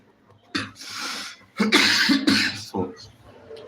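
An adult woman gives a short run of about four harsh, forceful coughs in a quiet room.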